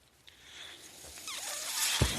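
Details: Mechanical ventilator breath cycle from the speaker's own ventilator heard during a podcast: rising airy hiss building over about two seconds, ending in a soft thump.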